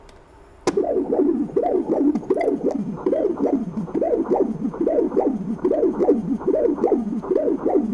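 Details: Echocardiogram of an adult male discus thrower, transducer moved to the left side for another view: Doppler tissue signal of the right ventricle, normal right ventricular tissue Doppler.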